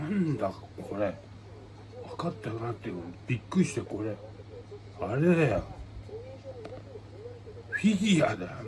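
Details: Adult man with aphasia and hemiplegia following a brain hemorrhage, with paralysis; real patient speaking spontaneously; aphasia.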